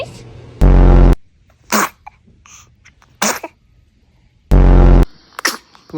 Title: Newborn Sneezing 🤧